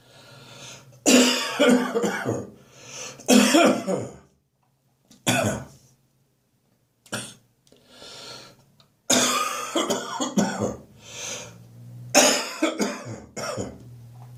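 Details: Adult waking in the morning with a recurring congested cough, thought to mark the autumn coughing season starting early: repeated harsh, rattly wet coughing fits with throat clearing.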